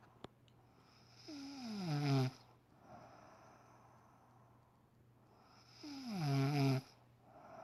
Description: Just woke me up on Saturday morning at 6am due to her loud snoring..